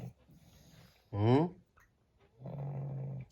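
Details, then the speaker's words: Pug dog snoring while lying down and sleeping: a brief whining snort followed by a low rattling snore. "কিরে, তোর না ঘর পাহারা দেওয়ার কথা, শুয়ে শুয়ে নাক ডেকে যাচ্ছিস?"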